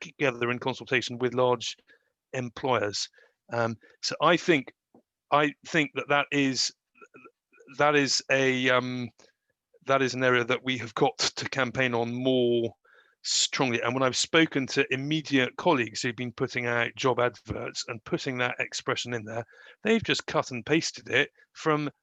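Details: Adult who stammers, speaking in real life about his own experience; stammering.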